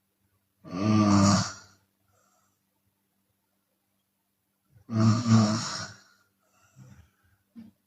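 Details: Chinese woman snoring with her mouth open during sleep: two loud, rattling snores about four seconds apart, followed by softer breathy exhalations; open-mouth snoring.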